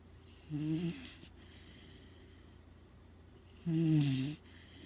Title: Trigger snoring